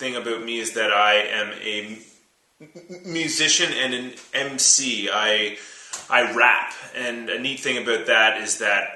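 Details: Adult man who stutters; his speech got quite bad around age seven, when he began speech therapy, which he stopped in junior high; stuttering.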